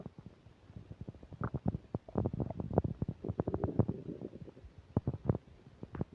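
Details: Rapid runs of loud gurgling pops and rumbles with faint static, recorded while eating a burger and fish fries: active, noisy bowel sounds (borborygmi).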